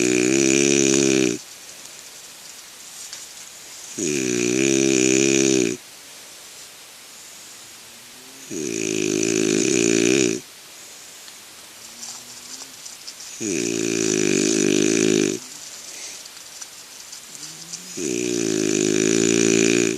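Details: Person snoring in a neighbouring tent while camping: loud, regular, droning snores about every 4–5 seconds, roughly 13 a minute, with quieter breathing between.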